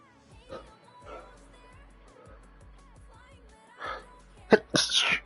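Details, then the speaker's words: Adult streamer suddenly hit by a sneeze attack while gaming live: repeated sneezes. "I apologize I am suddenly on the sneeze attack welcome to this knees ASMR I hope you liked the sound of sneezes"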